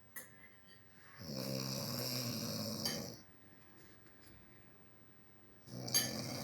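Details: Father snoring: two loud, rough, rattling snores on in-breaths, separated by a quiet pause, from the throat during sleep.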